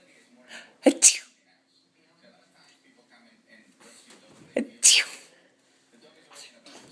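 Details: An 11-month-old sneezing: two sharp sneezes, each a quick intake then an explosive burst, several seconds apart in a quiet room.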